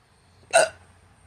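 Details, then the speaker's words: A man with hiccups: a single sharp, abrupt hiccup with a quick catch of breath in a quiet room. "I got hiccups God anyway that's all I had but I have hiccups right now"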